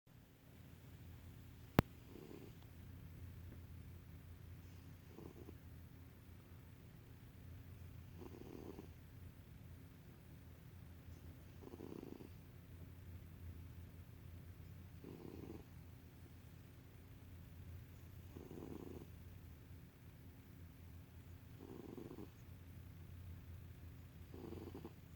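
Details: Fat cat sleeping snores softly with a steady low rumble, about 18 breaths a minute.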